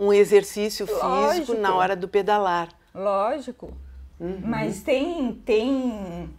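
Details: Adult woman speaking Portuguese; speech.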